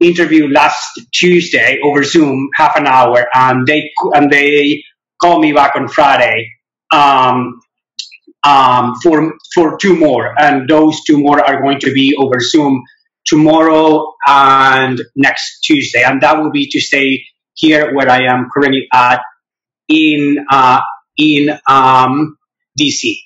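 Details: Real adult who stutters, with mild stuttering noted; stuttering.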